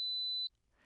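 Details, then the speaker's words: A steady high-pitched pure tone lasting about half a second: the 4000 Hz hearing-test tone used to screen for noise-induced hearing loss, above the 500–2000 Hz speech range. "지금부터 소리를 하나 들려드릴 텐데요. 이 소리가 바로 소음성 난청을 판단하는 4000Hz입니다."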